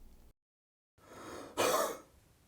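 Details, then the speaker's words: Step three of a home sputum-collection huff-cough technique: a fast, small breath in, then a short, gentle, breathy, open-throat huff cough out. "Third, take a fast small breath in. Then a gentle huff cough"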